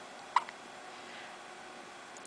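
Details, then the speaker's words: Newborn girl, 10 days old (though also described as about 5 weeks), with her usual daily hiccups, sitting in the sun: a single soft, abrupt hiccup against quiet room hiss. "is 10 days old today. And she's got the hiccups again."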